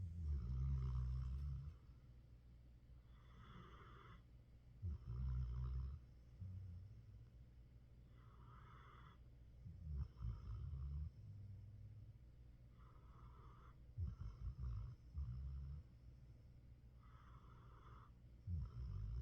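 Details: Dog sleeping in a couch spot; loud, rattling snores with quieter breaths between, roughly one every four seconds: ordinary snoring.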